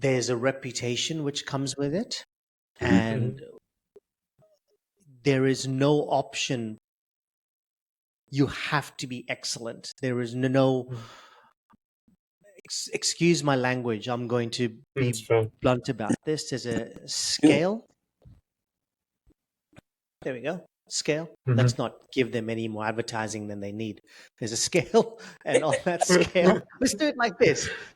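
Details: Adult male with stuttering since age 10, reporting blocks, prolongations and repetitions; stuttering.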